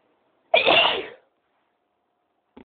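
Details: Person sneezing: a single loud, abrupt sneeze with a brief hissing tail, then silence.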